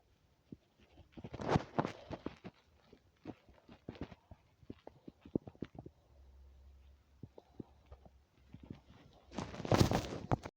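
Irregular gurgles, pops and low rumbling bursts from the belly: bowel sounds of an empty stomach, a normal finding.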